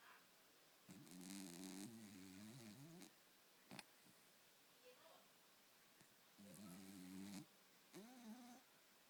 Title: Snoring While Sleeping 2...so cute!